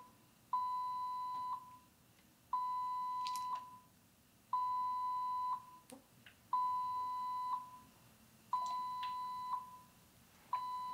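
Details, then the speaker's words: Baxter Sigma Spectrum infusion pump air-in-line alarm in a training demonstration: steady one-second beeps about 30 a minute with handling noise, prompting to close the roller clamp and check the IV line, where a sizeable air bubble was found. "this is an air and line alarm again it's saying close your roller clamp which I'll do, open the door to assess the IV line for air, and if necessary unload the set and remove the air."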